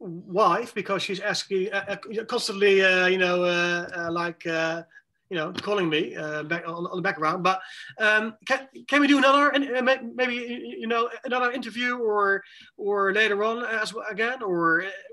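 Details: Adult with cluttering speaking in conversation; cluttering.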